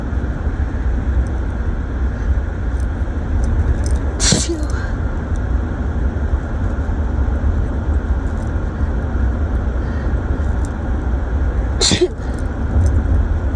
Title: Driving back home from a trip and sneezing